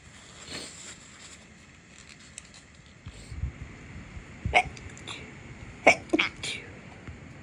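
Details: Cluster of several short, muffled, held-back sneezes over faint room noise, a stifled sneezing fit after cleaning. Dust and cleaning products are blamed for the nasal irritation, though the sneezer is allergic to neither.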